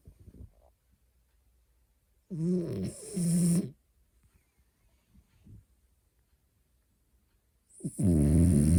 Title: 프렌치불독 (코골이) 리얼사운드 / French Bulldog (snoring) real sound #shorts #프렌치불독 #강아지 #reels